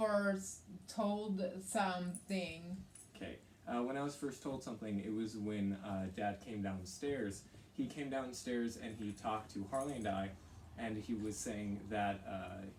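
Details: Adolescent boy speaking; typical speech.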